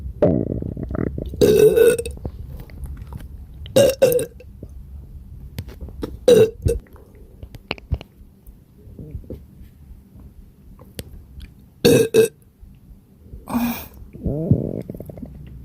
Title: Burps from my extremely gassy and upset stomach💓💓💓